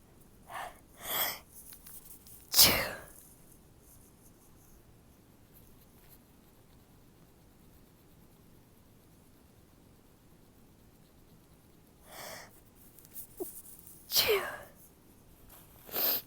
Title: Stifled sneezes